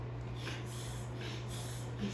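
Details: A dog makes repeated quick snorting inhalations, a reverse sneeze from a throat tickle, ended by licking peanut butter; steady low room hum.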